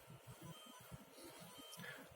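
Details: Rapid, regular mechanical buzzing pulses over a background hiss from the stepper motor of an open-source Arduino Nano–controlled bag-valve-mask ventilator, rate set to 30, volume 1 L; ventilator motor running.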